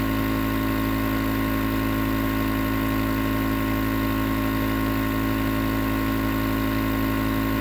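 Steady mechanical hum and buzz of a running nebulizer compressor, continuous without breaks.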